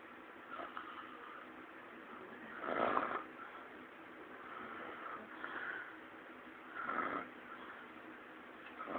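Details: Light snoring: soft, muffled snorting breaths every few seconds, about 15 a minute, over steady noise.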